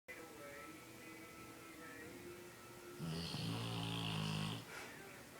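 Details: Snoring dog that the owner jokingly thinks may need a sleep apnea test: a loud rattling snore about a second and a half long, heard over background music.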